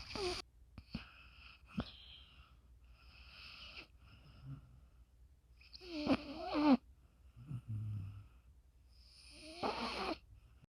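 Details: Snoring in a sleeping female dog: intermittent snorting, rattly breaths with some whistling nasal sounds, separated by quiet pauses.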